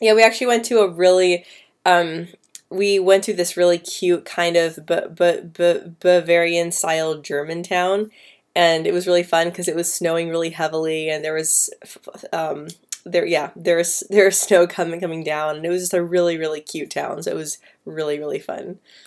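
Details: Female speaker who has stuttered since about age 9 or 10, with repetitions and blocks at word starts or mid-word, especially on P, B and C sounds, worse with anxiety; stuttering.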